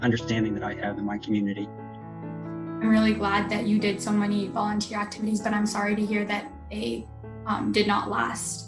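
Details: Adult woman interviewer; Normal adult speech.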